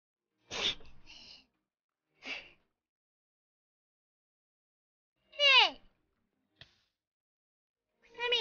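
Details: Female VTuber on a livestream sneezes six times in a row: short, sharp, high-pitched sneezes with breathy gaps between them; repeated sneezing.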